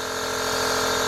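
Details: Steady buzzing hum of a small compressor nebulizer running during an inhalation treatment for a coughing child with a viral illness.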